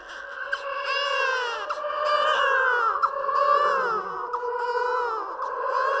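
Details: Horror sound-effect track made from recorded and edited creepy sounds: high, wavering, eerie, echoing baby-cry wails.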